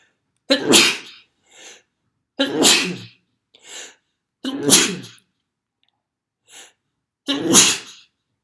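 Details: Four forceful sneezes about two seconds apart, each followed by a short sniff or intake of breath; a repeated sneezing bout.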